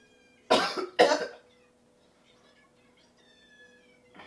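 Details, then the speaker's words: Faked cough by a man during a prank: two quick, harsh cough bursts in a quiet room. "so when she comes into the house you know I'm laying in the bed had the blood capsule in my mouth to be coughing coughing coughing and then I plan to just start bite the capsule"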